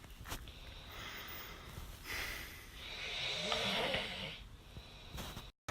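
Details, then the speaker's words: Person snoring loudly during sleep, recorded by an annoyed person nearby; snoring heard over playing YouTube audio. "These videos won't be doing justice for how loud you actually snore. I swear I can hear your snoring over the YouTube."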